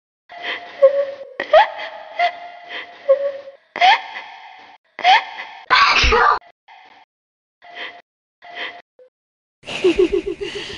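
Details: A college student gives repeated voiced gasping inhalations building to one sharp sneeze, followed by further catching breaths; sneezing.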